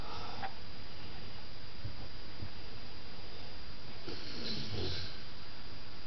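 Low snorting, rattly breaths in a quiet room, loudest near the end; sleep snoring.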